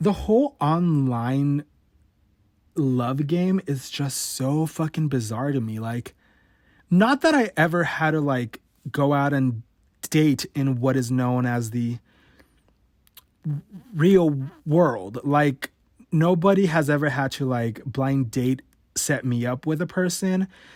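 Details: 28-year-old man who has stuttered since about age 5 or 6, had therapy in elementary school, worsened as a teenager, sometimes cannot get out a sentence, word or syllable; real, unedited stutter: stuttering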